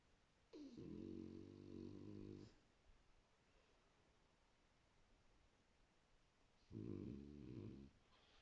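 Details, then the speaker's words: Pet dogs snoring while asleep, loud enough that the owner can't hear the TV: two long, loud rumbling snores several seconds apart over quiet room noise. "vous voyez je vous mens pas quand elles ronfle et j'entends même pas la télé quoi qu'il y a la télé voilà les boubous ça ronfle"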